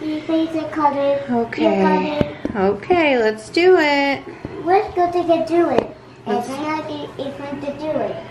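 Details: 7-year-old child diagnosed on the autism spectrum, repeating phrases about a movie during a haircut; echolalia.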